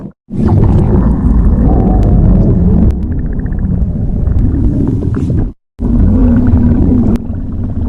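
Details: Loud, long rumbling and gurgling growls with brief gaps, typical stomach growling from gas and fluid moving through the gut.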